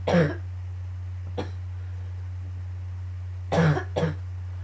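Four harsh cough bursts in two clusters over a few seconds, with a steady low hum behind; a morning coughing fit.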